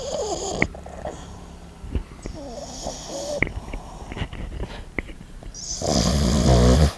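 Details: Sleeping French bulldog snoring "just like a human": loud, low, rattling snoring and snorting breaths with household noise in the background; snoring.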